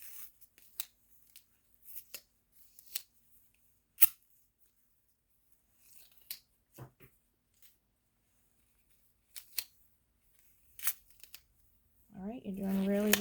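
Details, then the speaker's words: Scattered sharp tearing and snipping of tape being cut and handled, then a brief voice: a nursing student securing a nasogastric tube to the nose with tape after insertion, in a nursing school demonstration. "all right sarah i'm going to apply some tape so the tube itself"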